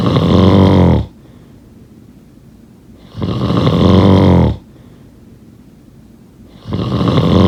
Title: Snoring sound…